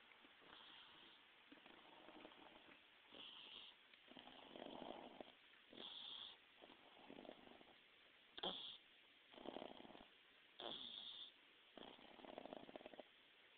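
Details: Pet pug dog asleep: repeated rough, fluttering breath sounds alternating in and out, roughly every one to two seconds; noisy snoring.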